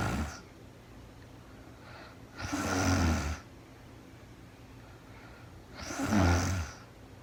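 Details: Adult woman sleeping in real time: regular low, rattling snores on each breath in, about 18 breaths a minute, with quiet pauses between.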